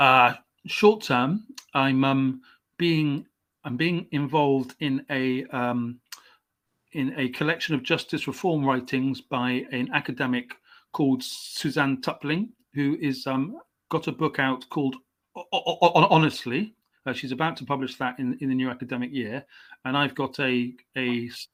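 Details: Adult male English writer, stammering since age five; stammer comes and goes, had speech therapy at 29; stuttering.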